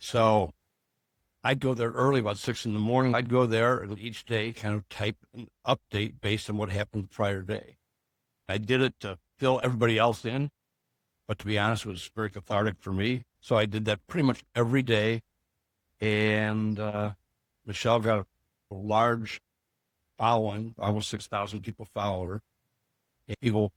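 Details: Adult man; typical speech.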